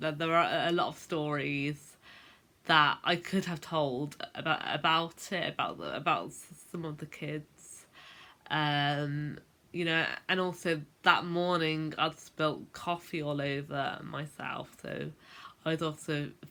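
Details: Adult woman who has stammered since about age 10, a late onset; stuttering (stammering).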